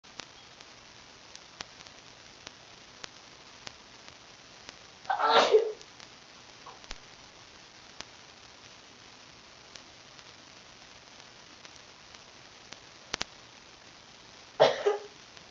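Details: Two sharp, explosive, deliberately induced sneezes from an adult, separated by a long quiet pause.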